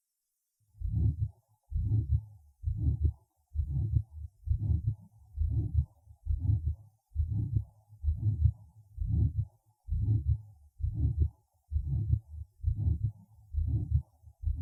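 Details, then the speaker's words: Combined aortic stenosis and regurgitation recorded at the second auscultation point: long, harsh murmurs filling much of each regular cycle. Tachycardia, aortic second sound sharply weakened or absent, systolic murmur conducted to neck vessels, subclavian and sometimes interscapular region. "при этом определяется тахикардии второй тон надо орт и резко ослаблено или не выслушивается вовсе при этом систолический шум проводится на сосуды шеи подключичную область иногда между лопаточной пространство"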